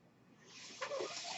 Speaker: That noise you're hearing is my ventilator, and thank you so much for tuning in to Page Turners They Were Not, my Star Wars podcast, where we discuss Jabba's Palace.